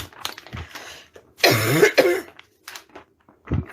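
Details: Woman with a persistent barking cough, said to worsen at night; a few harsh, loud cough bursts with throat sounds in a small room.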